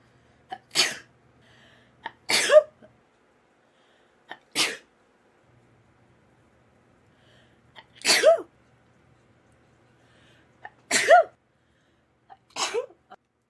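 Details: Someone sneezes six times in a row, each sneeze with a brief inhaled lead-in and an explosive burst, with quiet gaps between them: repeated sneezing.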